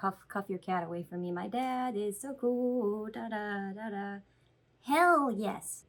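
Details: Woman with Tourette syndrome with vocal and motor tics including coprolalia, tic outburst mid-explanation: vocal tics (Tourette syndrome).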